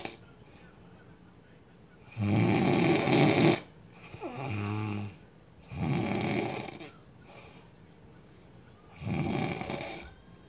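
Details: Man snoring heavily: loud, harsh, rattling snores on each breath in, roughly every three to four seconds, with a softer buzzing breath between.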